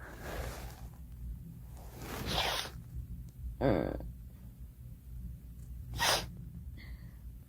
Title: Girl sneezing 20